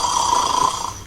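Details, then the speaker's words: Brief, harsh, high-pitched heavy snore ending in a choking gasp as the breath is blocked, an example of severe snoring in obstructive sleep apnea. "이 소리 끝에 보면 컥 하면서 숨이 막히는 것을 들을 수 있습니다. 이 사람들은 사실은 그 깊은 잠에 들기가 힘듭니다."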